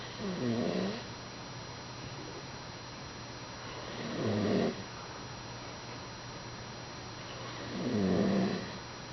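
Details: Sleeping dog snoring: three soft, low rattling snores about 16 a minute with steady room hum between.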